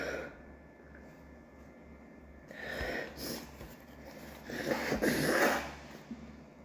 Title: WET SNEEZES #allergies #sneezing #sneezeattack